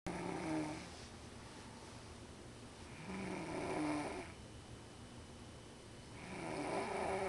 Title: airplaine snore